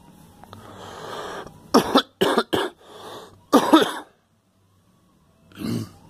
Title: Girl coughing